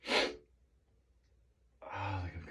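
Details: Person with morning allergies, nose tickly since waking and trigger unknown: one short, breathy sneeze, then a pause and a voiced sigh or groan. Allergic sneezing.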